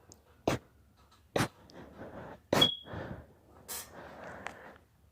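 Several sharp, brief sneezes in quick succession with breathy gasps between them, part of a sneezing fit.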